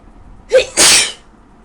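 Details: Adult with a very bad cold sneezing at 3 a.m., reportedly drunk: a single sneeze, a quick indrawn breath followed by a sharp, hissing burst.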